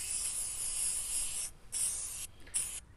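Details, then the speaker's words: Sheep or goat treated for an abscess (caseous lymphadenitis discussed), after drainage and an LA-200 injection: steady hissing aerosol bursts with brief pauses as Catron wound spray is applied to the wound to keep flies away. "and the very last thing that i am going to do on her is to spray the wound site with catron"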